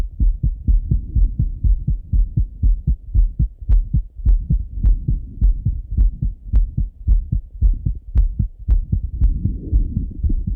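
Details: Normal heart sounds of a male, heard through his own stethoscope right after coming home from a run: fast, regular paired beats at about 110 a minute.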